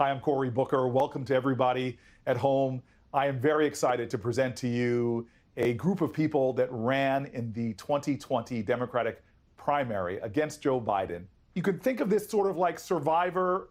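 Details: Adult man speaking; normal speech.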